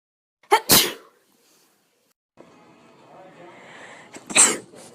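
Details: Two sharp sneezes, one at the start and one near the end, with quiet room noise between; followed by "bless you".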